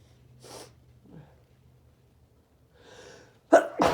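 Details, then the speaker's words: Male, per title, having strong sneezing fits deliberately triggered by burning snuff: breathy lead-in breaths, then two hard, explosive sneezes in quick succession; he remarks that talking helped the sneeze come out. "Wow. Talking actually helped that sneeze come out right there."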